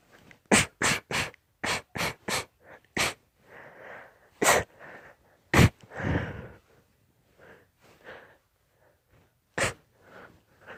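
About ten sharp, explosive sneezes in rapid, irregular succession with soft breaths between: a sneezing fit.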